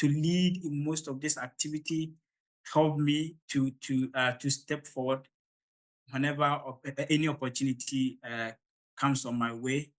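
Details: Stuttering (stammering) in an adult man from Ghana during public speaking; he reports the start of his presentations is usually the most difficult, improving once he gains momentum.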